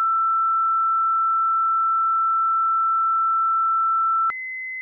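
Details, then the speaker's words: HeartStart Intrepid monitor/defibrillator, manual defibrillation demonstration with external paddles: a steady tone for about four seconds after pressing charge, then a step to a higher continuous tone signalling it is charged. "set the therapy knob to the desired energy for the patient then press the charge button on the paddle"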